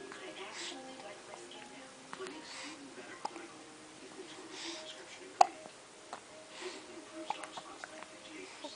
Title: baby hiccups